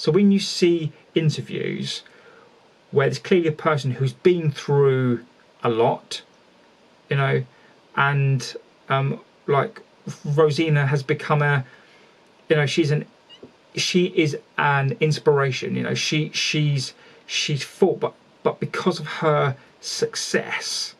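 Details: Adult male speaker; stuttering.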